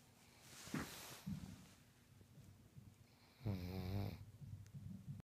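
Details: Sleeping pug snoring loudly: a loud rattling, groaning, Chewbacca-like snore on the in-breath with quieter breathing between; the dog is breathing okay.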